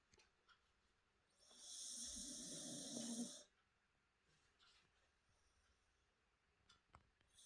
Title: Dogs are random, Our cute cockerpoo snoring at the table